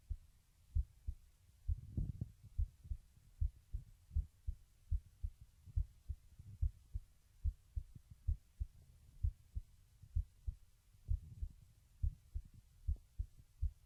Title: Webcam Heartbeat Recording Lying Down